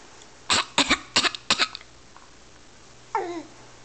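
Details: Young child deliberately imitating a cough, not from illness: a quick series of four short, dry, breathy fake coughs.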